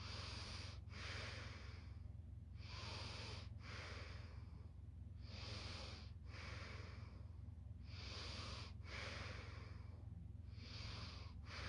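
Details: Soft, steady snorting snore with regular breath cycles, about 17 a minute, over a low steady hum; quiet snore.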